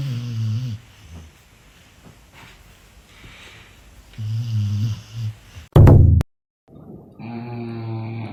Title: Funny dogs snoring #funny #pets #dog